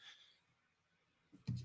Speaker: excuse me as tight end you that sounds sorry for the sneeze